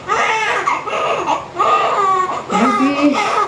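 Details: Newborn, a girl, crying right after a normal, smooth vaginal delivery: loud, rhythmic bursts of high-pitched crying, the vigorous first cries after birth.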